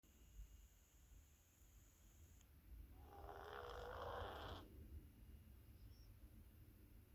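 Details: A cat awaiting a doctor's appointment, which now pushes away her AeroKat inhaler spacer, breathes quietly and roughly, with one louder snoring breath midway against low room noise; snoring/noisy breathing.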